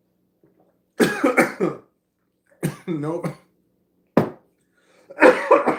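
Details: Choking cough after aspiration.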